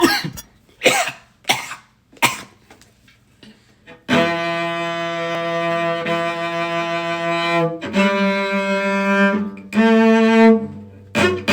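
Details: Four sharp coughs in quick succession while playing cello, cause unknown, then cello playing resumes; brief coughing fit.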